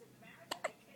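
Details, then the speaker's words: Dog (Mischa) with a recurring bout of massive hiccups: a quick pair of sharp, clicking gulps in a quiet room. "oh those darn hiccups see we need those hiccups to go away so I can eat because you're hungry huh"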